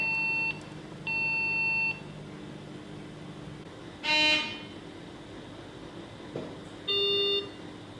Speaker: after the leak test say that the circuit selector is switched back to closed circuit mode at this stage you can turn the machine on